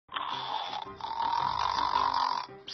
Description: Can someone will be this mad about snoring 💤